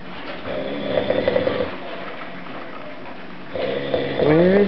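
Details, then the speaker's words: Sleeping after exhaustion from a night out, snoring getting louder: fluttering, vibrating snores in two bursts, then a rising whine at the end, in a small room; loud snoring. "that sound coming from oh right there oh my God I think it's getting louder"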